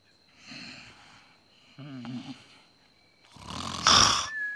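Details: Animated cartoon about pigs (Russian dub), a character snoring: a wheezy drawn-in snore and a loud snorting burst, with whistling between. Simulated cartoon snoring.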